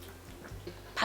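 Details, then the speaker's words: A dog whose cough starts indoors, often lasts over an hour and has been worsening, coughs again right after leaving a room. One short, harsh cough. The cough reportedly stops on walks or at the park and occurs only inside the house. "But as soon as I came out, I coughed again. Another cough."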